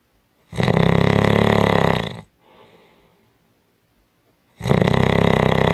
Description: 5 Minute Audio clip of Strong Snoring